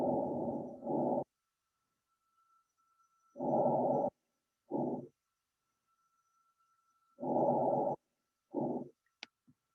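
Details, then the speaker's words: Adult male patient on chest auscultation: soft, muffled breath sounds at about 16 breaths a minute with reduced airflow over the right chest; diminished breath sounds, after pneumonia and rib fracture were ruled out and the cardiac exam was normal. "so it's kind of a spoiler but this is oh excuse me so this is what we call diminished fret sounds so this is actually really cool"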